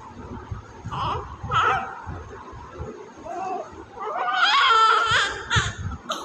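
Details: Newborn after IVF, crying immediately after birth: whimpers building into louder wails over room noise; vigorous newborn cry.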